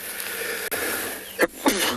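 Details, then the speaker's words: Adult sneezes outdoors near a herd of elephants on a morning game drive; a brief sharp burst, possibly two, over steady outdoor hiss. "excuse me sorry young boy I think he might have heard me sneeze and thought what on Earth was that noise with a long nose like an elephant"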